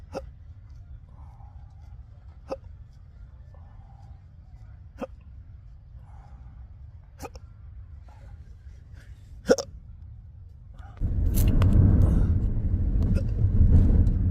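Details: Intractable hiccups, a rare, debilitating, persistent condition: sharp, brief hiccups recur every few seconds over steady car road noise that grows louder near the end.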